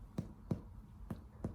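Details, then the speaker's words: Four short, low finger-percussion taps with a muted, dull (submaciço) quality near the liver border, changing from resonant lung note above; impaired percussion over the liver. "Aqui mudou a característica. Aqui já é um som submaciço, né?"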